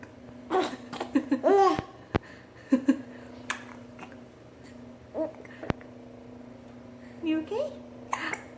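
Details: Soft infant giggles and babble in a quiet room, broken by two sharp, sudden hiccup clicks; hiccups.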